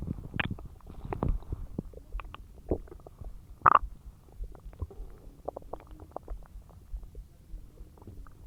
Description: The aftermath of my huge meal as it digests in my tummy